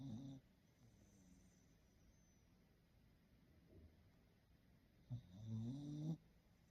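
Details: Sleeping Maltipoo puppy: two soft, high-pitched snoring breaths with a faint squeak, separated by quiet breathing; snoring.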